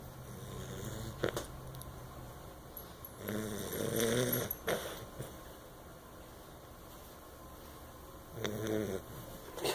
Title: Dog snoring